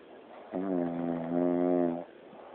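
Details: Adult woman (wife) snoring: a single droning, tonal, horn-like snore lasting about a second and a half.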